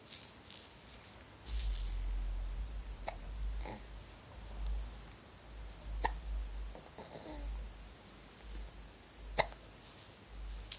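Brief sharp clicks recur every few seconds, about four in ten seconds, over low rumbling room noise, fitting an infant's hiccups.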